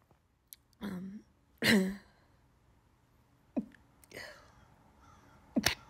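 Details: Several sharp sneezes, some with a drawn-in breath before them, in a quiet room; repeated sneezing.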